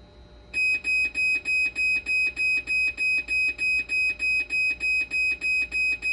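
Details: Dialysis machine under repair for conductivity, 12-volt and BP cuff faults: rapid, regular high-pitched alarm beeping, about 200 a minute, sounding continuously.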